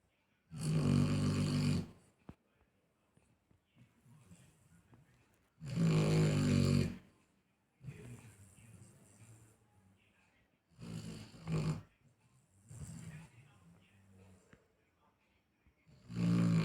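Loud, rattling, low breaths, each about a second long, alternate with softer breaths at about 12 a minute: snoring in a sleeping dog.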